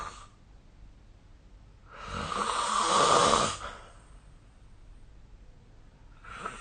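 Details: Sleeping adult snoring, recorded 2025/04/29 with the SnoreLab snoring app: harsh, breathy snoring on each breath in, with quiet pauses between breaths.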